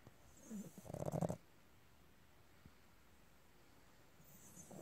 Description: Sleepy Fizzy pug snoring her way through a nap.